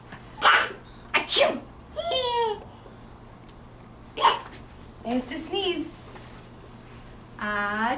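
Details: Sneezing: several sharp, explosive sneezes in quick succession, with brief voiced sounds and exclamations between them.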